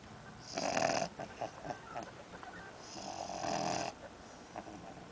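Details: Little one taking a nap: two rough, rattling breaths a few seconds apart, with quiet noise between them; snoring.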